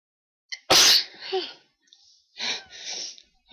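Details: Person with pollen allergy during an ongoing sneezing attack: a sharp intake, then one explosive sneeze, followed by a softer second sneeze-like burst; sneezing.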